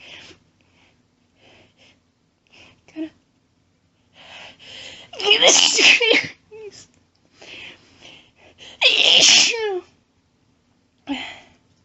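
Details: Woman announcing her very powerful sneezes: two loud, forceful sneezes, each preceded by a short indrawn breath and quieter voiced sounds.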